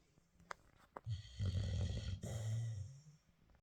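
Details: A puppy sleeping in his cage: a couple of small sniffs, then a low, rumbling snore on the in-breath and a second, softer snore; puppy snoring.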